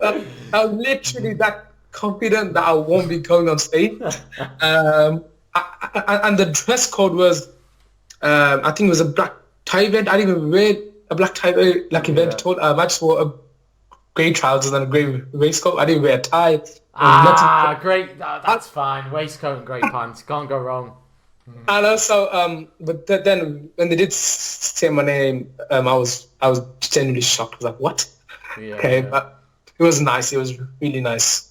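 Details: Adult male teacher, real, with a lifelong stammer since childhood that he describes as neurological, mainly blocking type on words and sounds, worse when nervous; finding: stuttering (stammer).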